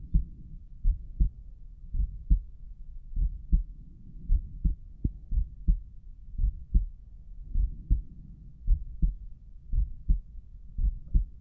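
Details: Own heartbeat through a stethoscope while heart pounding and carotid arteries surging and visibly pulsing: regular paired lub-dub sounds at about 57 beats a minute.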